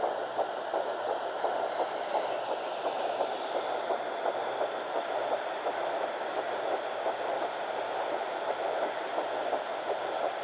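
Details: Fetal heartbeat of Baby A at 9 weeks 6 days, found on a home Doppler on the mother's left side after days of searching: rapid, faint, rhythmic whooshing pulse through steady static hiss.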